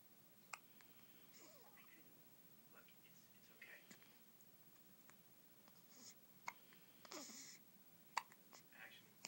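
Soft, sharp, irregular catches of breath several times in a quiet room, with faint murmured voices; hiccups.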